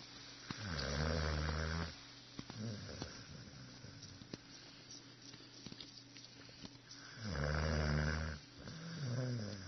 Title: Snoring Setter